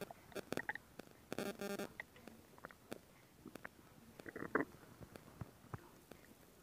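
Gurgling, bubbling rumbles with short pops and squeaks, in a quiet room: ordinary stomach growling from gas and fluid moving through the gut.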